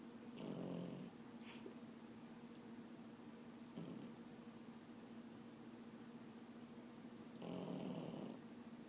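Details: Soft, low snores a few seconds apart from a sleeping puppy, over a steady background hum.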